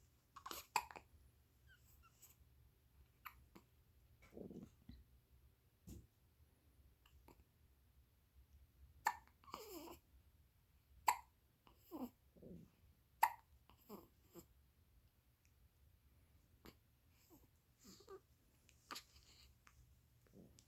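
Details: Newborn baby in a quiet room: soft, brief catches, a few sharp hiccup-like bursts among small breathy noises and fussing sounds; infant hiccups.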